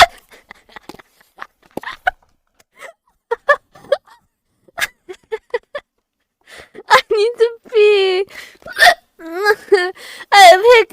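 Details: A streamer caught in a hiccup attack: repeated sudden voiced gulps mixed with squeaky laughter and vocal sounds; a bout of hiccups.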